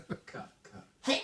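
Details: Mother in a long repeated sneezing fit: soft breathy intakes then a sharp explosive sneeze; sneeze.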